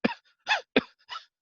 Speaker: now cough variant asthma is where instead of wheezing they cough it's not a hacking cough it's like